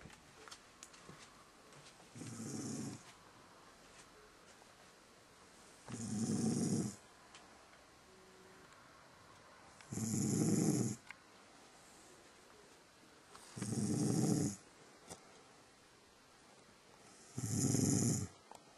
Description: My mother snoring